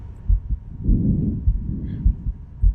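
Steady lub-dub heartbeats at about 100 a minute with a soft breath sound, a normal healthy heart.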